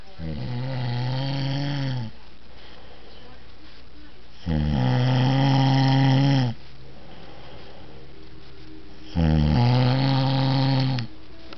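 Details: Adult man (a father) snoring with his mouth shut: deep, loud, buzzing snores, three in about 12 seconds, around 15 breaths a minute, with quiet exhalations between.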